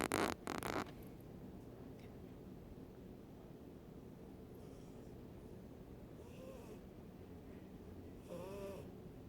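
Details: Sleeping silver Bengal cat snoring with soft, rough, low breathing noises and a couple of faint whistling tones; toothless Sphynx cat also present.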